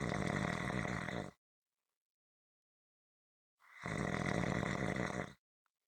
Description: This is a 7 minute clip consistant rhythmic snoring.